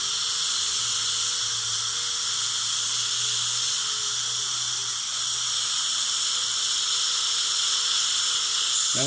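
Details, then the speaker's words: Steady high hiss with faint wavering whine: dental drill with cool-water irrigation preparing a dense-bone site for small-diameter implants to stabilize a lower denture in a live patient; drill and implants cooled. "we've cooled down both the drill and the implants just little bit of refrigeration implants may be previously chilled to be ready for placement"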